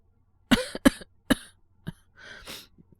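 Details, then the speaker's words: Simulated cough acted by a male voice actor playing a young man with a cold who wakes coughing at night: three harsh coughs, then a weaker cough and breathy exhale. "あ、起こしちゃいました。すいません。俺も、咳込んで起きたんですけど。大丈夫ですって。"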